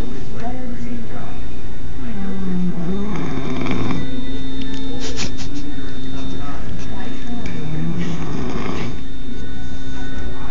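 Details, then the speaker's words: Person fallen asleep in a doctor's office waiting lobby, snoring loudly: steady, rapid, buzzing snore over loud room noise and background voices. "B's passed out of sleep and snoring like hell here in the lobby and it's pretty damn funny"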